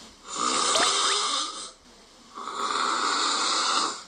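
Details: Recorded snoring of a person in their 20s whose severe snoring worsened with weight gain and now disturbs their sleep, with breathing discomfort and heavy tossing.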